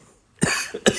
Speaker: A little bit little bit of that cough still. It's not gurgly though. All the gunk in my chest is gone. It's just my normal asthma cough.